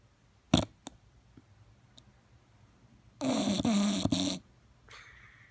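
A loud, harsh, fluttering snore with a few short snorts beforehand; snoring from a short-nosed dog.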